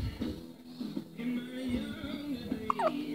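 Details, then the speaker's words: Hiccups in a baby. "Hi, baby. You got the hiccups?"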